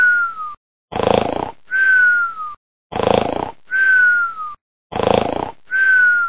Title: Snoring Like Crazy